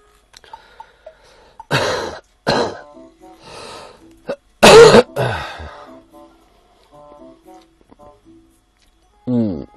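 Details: Adult livestreamer who says he has had pneumonia and wheezing since yesterday (wonders whether asthma or pneumonia): several harsh, wet-sounding cough bursts, loudest near the middle, over soft background music.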